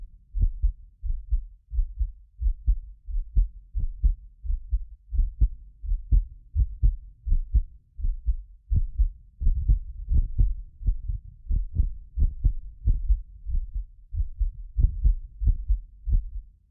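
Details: Heartbeat of a self-described medically fit person, recorded with several sensitive precision contact microphones for ASMR: steady low thumps at about 87 a minute, some beats doubled by a ~6 ms delay between microphones; normal heart sounds.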